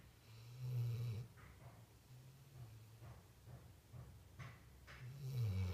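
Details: A sleeper called "little girl" gives low rumbling snores, with a few softer snorting breaths between them; loud, ordinary snoring.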